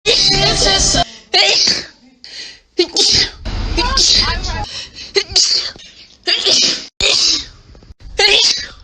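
A run of sharp, loud sneezes from different people, one after another, with music and brief voices in the background.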